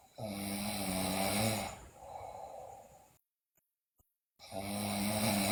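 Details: Loud, rough, vibrating snoring in a sleeping girl, with softer breaths and brief silent pauses between; also noted bruxism and delirium.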